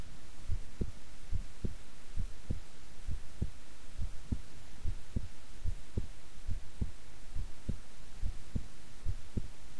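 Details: Normal, relaxed heart sounds recorded at length while the person kept still.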